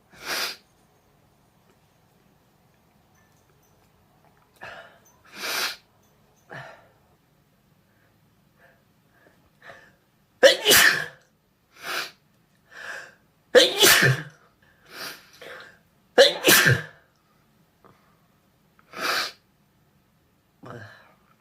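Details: Messy, apparently deliberately triggered sneezing: a run of about a dozen wet, forceful sneezes with sniffs between them, some in quick clusters.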